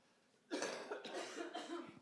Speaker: Maybe one more thing that I need to say, excuse my voice, and I just have to cough,